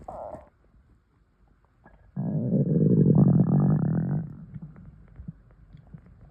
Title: Air swallowing (stomach noises)